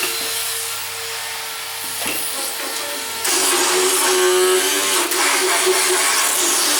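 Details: Steady motor whine with grinding rasp against teeth and background music: a motorized power float files the teeth of a horse during a veterinary equine dental exam.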